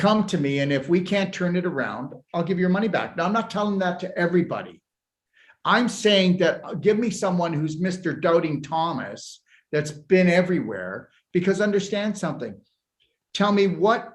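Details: Adult speaker; ordinary speech.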